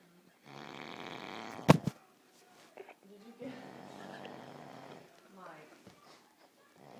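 Two long, rough, low rattling breaths with a brief loud knock between them in a quiet room; snoring.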